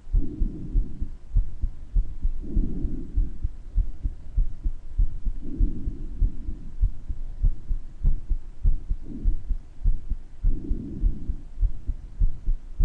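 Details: Person's own recording of their heart murmur, with breath sounds, clearer at some points than others: regular low heartbeat near 100 a minute with a soft whooshing sound between beats and breath noise.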